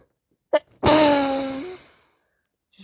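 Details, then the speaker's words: Person with a heavy head cold who has been sneezing constantly for three days: a sharp intake of breath, then one loud, drawn-out voiced sneeze in a quiet room. "I've been sneezing and sneezing all day long. Well, for the past three days."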